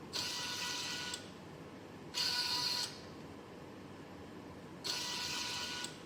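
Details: Repeated whirring motor-and-gear runs of about one second, with quiet gaps between, from a homemade student-built COVID-19 e-ventilator, controlled by Arduino Mega and ESP32, cycling.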